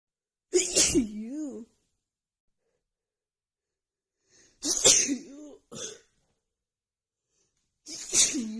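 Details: Morning sneezing attack from seasonal allergies flaring a few days before spring: three sharp, hissing sneezes with brief voiced tails, separated by silent pauses.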